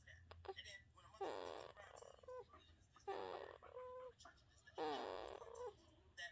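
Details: Baby boy making noises while asleep: soft grunting and squeaky noises in several short bouts with quiet gaps; ordinary infant sleep sounds.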